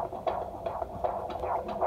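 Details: Rapid whooshing fetal heartbeat at about 140 a minute on a Doppler during a midwife check at 40 weeks of pregnancy, on the due date; all reported as looking good.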